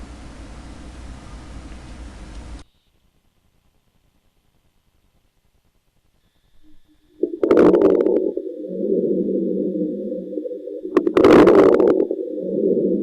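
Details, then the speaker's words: Fine, brief, uniform crackles of similar intensity and duration, like crackling salt or hair rubbed between fingers, recurring about every four seconds at the end of inspiration over muffled breath sounds, heard always at the lesion site; fine crackles (crepitant rales). "son ruidos breves finos iguales entre 100 intensidad y duración semejantes a la sal que crepita o al ruido que se produce al frotar los cabellos entre los dedos se perciben en el sitio donde aparece la lesión y siempre en el mismo lugar se escucha solo al final de la inspiración"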